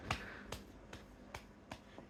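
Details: Woman with severe Tourette syndrome during an early-morning episode after little sleep: sharp clapping or snapping sounds repeating about every half second, a repetitive motor tic.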